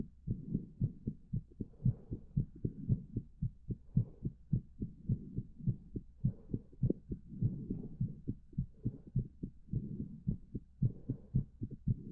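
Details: Steady low thumping heartbeat at roughly 110 beats a minute, somewhat fast; heartbeat.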